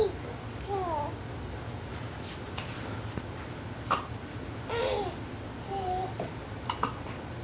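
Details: Baby hiccups ("double trouble"): a few sharp, abrupt catches amid soft baby babbling in a quiet room.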